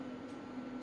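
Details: Biotronix PEMT (pulsed electromagnetic) loop therapy device with touch screen, just switched on. A steady low electrical hum with soft noise from its cooling fans.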